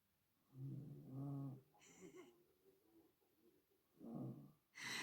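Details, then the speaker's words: Woman snoring while asleep nearby, heard in the background of a live stream: snoring during sleep. "Alors, excusez-moi, j'ai madame la ronfleuse à côté. Hein, vous entendez?"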